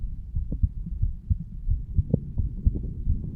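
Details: 35-year-old male standing up, heartbeat recorded over the mitral (bicuspid) valve area: regular low thumps at about 88 a minute over a humming background; normal heart sounds.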